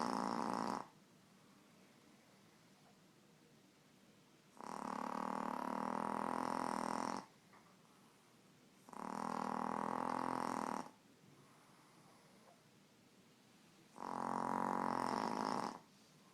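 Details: Three long, loud, rattling snores of about two to three seconds each, separated by quiet pauses; ordinary snoring.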